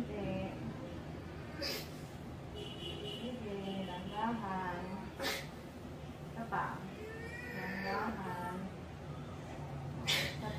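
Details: Short, thin cries of a newborn with quiet adult voices nearby; a normal first cry just after a normal birth in a birthing home.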